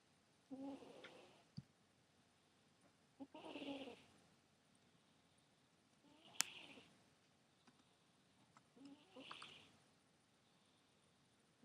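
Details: Cat snoring while asleep: soft, irregular breathing noises about every three seconds with faint wheezy whistles in a quiet room.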